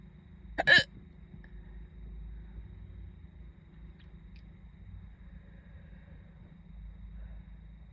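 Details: Hiccups that started while doing makeup in a car before school; one sharp, abrupt hiccup against quiet car background noise.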